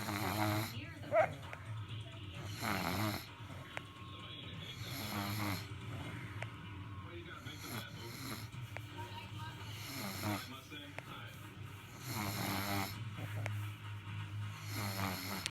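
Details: Soft, rhythmic snoring recurring every few seconds from a sleeping infant, with faint background music and talk; infant snoring.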